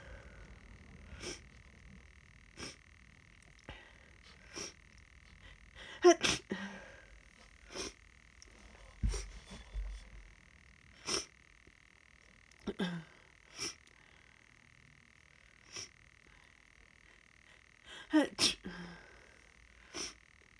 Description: I’ve been sniffly today and then this happened. Can’t tell if I’m allergic to something or if it’s a tickle nose as the start of a cold. Very rapid tickly sneezes.